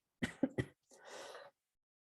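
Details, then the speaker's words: Three quick cough bursts then a longer rough throat clearing from an adult lecturer during a class, who says he recently had the virus and is no longer sick; lingering post-infection cough. "Les ofrezco una disculpa si de repente hago interrupciones, ¿de acuerdo? Tengo ahí un poquito de tos."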